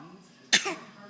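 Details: A young child gives a single short, sharp fake cough on request, a voluntary imitation rather than an illness cough.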